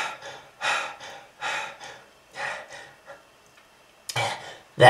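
Repeated harsh, effortful gasping breaths with short pauses between them, laboured breathing after coughing, here acted to depict smoking-related lung disease.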